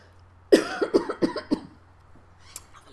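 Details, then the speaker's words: Run of about six short, wet coughs in quick succession; productive cough bringing up sputum during lung clearance with nebulized saline and a flutter PEP device, in a person with bronchiectasis and NTM infection. "generally after about three minutes of this the good stuff starts coming up"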